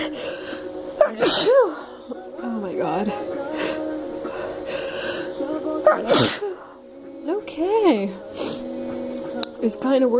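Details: Female deliberately inducing sneezes with snuff and a rolled paper towel in the nostril: two sharp sneeze bursts, each after a rising in-breath, with soft background music; induced sneezing.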